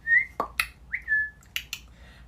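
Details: Whistling vocal tic in a girl with Tourette syndrome with coprolalia; whistling vocal tic.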